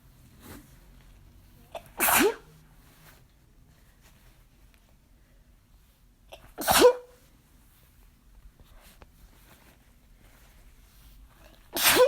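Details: Deliberate attempts at "girly" sneezes that came out too strong: three loud, separate sneezes, each with a short intake before the burst, in a quiet room.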